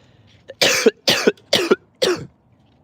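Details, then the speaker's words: Adult coughs while painting parking-lot stripes after breathing in too much paint. "Hey, if I cough like that, obviously it does not taste good."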